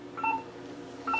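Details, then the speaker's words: Aspiration signal of a dental anaesthetic delivery device during local anaesthetic injection, needle about 1–2 mm in tissue: two short electronic tone bursts as it pulls back into the syringe handpiece, between the beeps of stepwise needle advancement. "the aspiration so it's actually pulling it back in to the syringe the handpiece all right"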